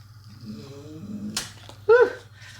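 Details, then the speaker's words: Pet dog Kobe snoring in the background: soft, raspy breathing with a brief snorting, whistling snore over quiet room hum. "And if you can hear, Kobe is snoring away in the background."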